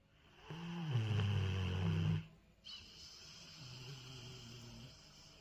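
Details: Pet Gizmo sleeping, snoring while feeling secure; a long, low rumbling breath followed by a quieter low snore on the next breath; snoring.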